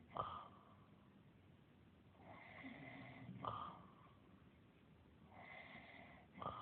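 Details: Simulated, acted snoring by the character John the Carpenter in a drama: rough snort on each in-breath, softer hiss on each out-breath, about 18 a minute.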